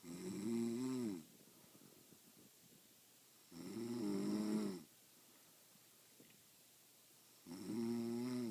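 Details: Female friend who denies snoring, recorded asleep: regular rattling snores on each breath in, about 16 a minute, with quiet breathing between them.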